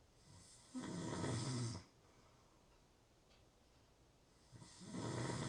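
Two low, rattling snores on the in-breath, separated by a quiet out-breath. Typical snoring.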